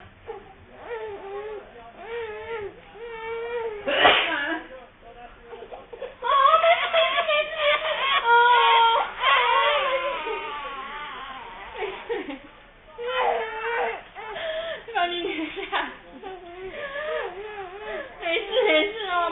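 Sustained rhythmic infant crying with sobbing breaths and brief pauses; ordinary vigorous baby cry.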